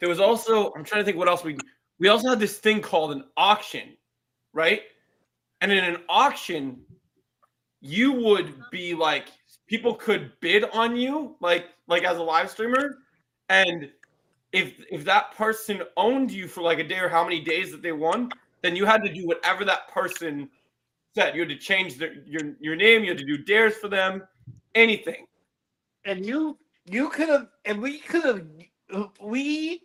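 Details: Young adult speaker; ordinary speech.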